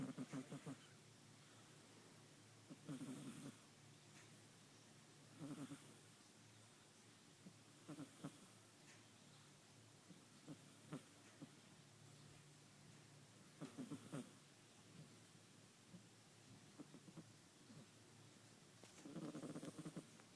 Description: Our 15 week old Bengal kitten snoring whilst asleep. Guaranteed the cutest thing you will hear all day!